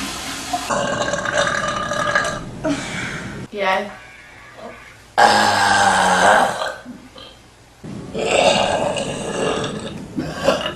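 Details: Several long, loud, rumbling, forced burps with brief pauses and breaths between them; a compilation of big burps.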